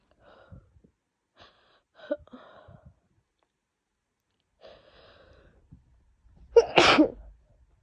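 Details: Quiet breathy sounds and sniffs, then one loud explosive wet sneeze from a woman coming down with a cold, with a worsening cough; sneezing.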